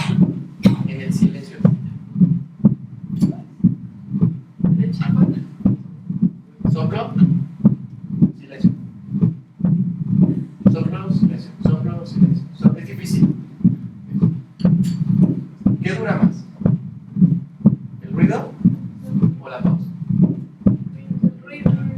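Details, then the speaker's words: Simulated mitral diastolic rumble on Harvey cardiology simulator, mitral area: regular heart sounds about 60 a minute with a low diastolic rumble filling the longer diastolic pause; mitral diastolic rumble. "Entonces el ruido el soplo el retumbo está en sístole o en D Entonces qué tiene si estoy en el foco mitral"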